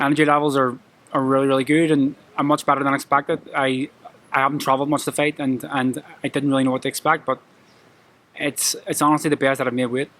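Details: Adult male professional boxer with a lifelong stammer present since childhood that he struggles with every day; it worsens with nerves, e.g. at press conferences. Finding: stuttering.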